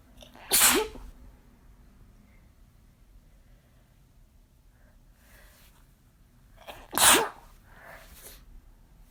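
Two sharp, explosive sneezes about six seconds apart, each with a brief in-breath before it, in a quiet room.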